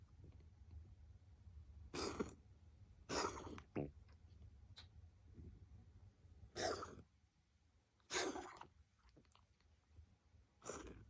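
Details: Cat coughing: five short, harsh, hacking coughs at intervals with quiet breathing between.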